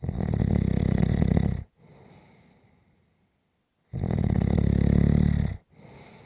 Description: This is a 6 minute clip of snoring.